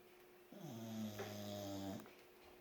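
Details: Snoring: a single long, steady, low-pitched tonal snore during sleep, with quiet room noise; snoring.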